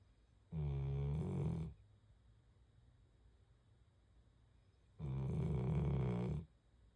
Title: Bruno is SNORING SUPER loud as I WFH #wfh #doglovers #canecorso #snoring